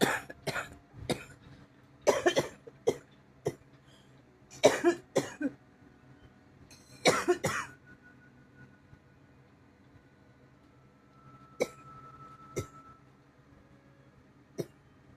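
Repeated harsh coughs, some in short bursts of two or three and some single, about a dozen in all, followed by quieter throat-clearing coughs.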